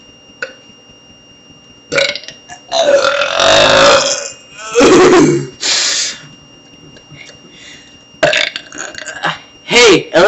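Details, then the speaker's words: A kid leaning close into the camera, burping: several loud, drawn-out voluntary burps with brief talk between them. "That's a burp. He burped."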